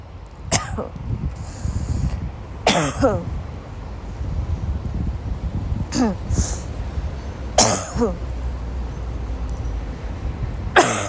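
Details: Sick young woman woke up sick and had a violent coughing fit in class, gasping; repeated harsh coughs in bursts of two or three, about five bouts over eleven seconds, each with a strained catch of breath: coughing fit.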